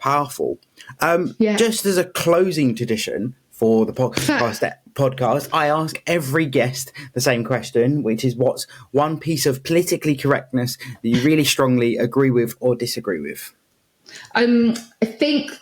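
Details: Adult male podcast host; normal speech.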